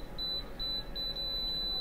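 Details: Apex locator beeping as the file reaches the root tip; high-pitched electronic beeps speed up and merge into a steady tone.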